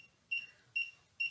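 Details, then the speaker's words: Charger for a week-old implanted Boston Scientific deep brain stimulator signalling charging complete; short high-pitched beeps in a quiet room, described as two little beeps close together, meaning ready for another week. "okay and so when the device has actually finished charging it actually goes so you get two little bits close together now why that way you know you're cooked you're ready to go for another week"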